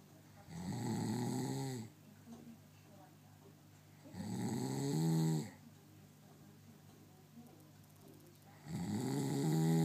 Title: snoring :)